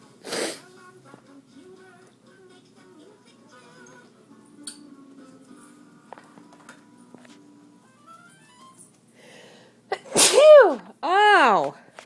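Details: Adult's random sneezing fit with stuffy nose, blamed on winter weather: a short sneeze-like burst, then two loud, voiced sneeze-like outbursts; sneezing.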